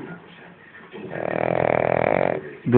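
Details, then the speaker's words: A sleeping dog gives one loud, rattling snore after quiet breathing. Snoring. "que los ronquidos se van a escuchar en toda la casa aquí no duerme ni el tato"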